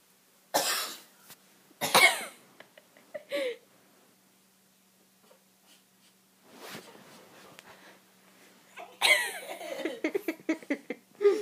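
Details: Cat's repeated coughing fit: bursts of harsh, forceful coughing in two clusters separated by a quiet stretch, with hacking and throat-clearing sounds.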